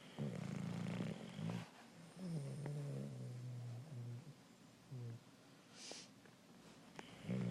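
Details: Sleeping bulldog snoring: low, uneven snorting snores with fluttering breaths and short pauses.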